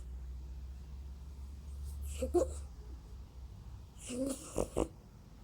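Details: Snoring in a sleeping cat: two rough, fluttering breath sounds about two seconds apart over a low steady room hum.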